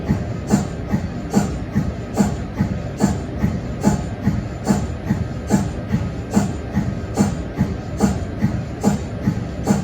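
Steady rhythmic pumping thumps, about 72 a minute, from an MRI scanner's cold head; a normal operating sound.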